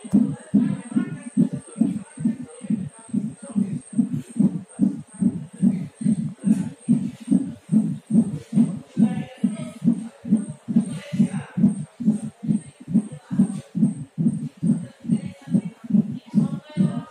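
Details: Fetal heartbeat at 9 months of pregnancy, rapid regular whooshing pulses about 140 per minute on Doppler.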